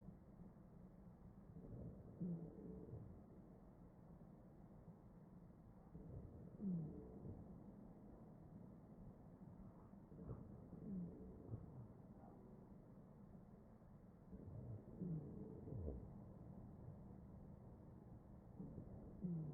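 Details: Ventilator breaths about fourteen a minute, each with brief musical whistling wheezes.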